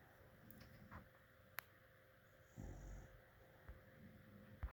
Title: Dog snoring